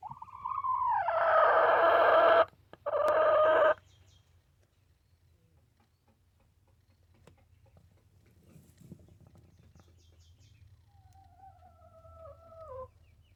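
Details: A chicken's loud squawk, then a quiet stretch ending in a thin, falling whistle consistent with a wheeze; wheezing.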